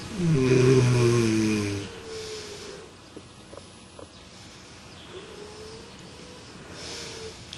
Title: Sleep Experiment - Smart Snore Pillow